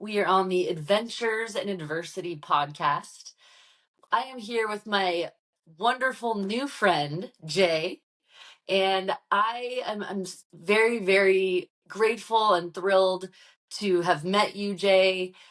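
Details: Adult woman speaking; typical speech.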